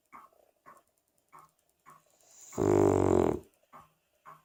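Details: A sleeping 3-year-old Cavalier King Charles Spaniel: soft snuffling breaths, then one louder, rumbling, growl-like snore; snoring.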